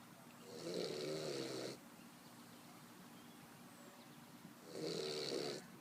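Two loud, rough snores about three seconds apart, each a drawn-out rattling breath with a raspy hiss, like an old man's snore.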